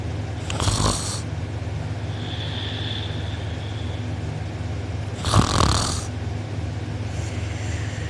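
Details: Heavy snoring from a sleeper who was out cold, recorded by a family member; mouth open and drooling, with a sore uvula and soft palate afterward. Two loud, harsh, rattling snores on inhalation over a steady low room hum.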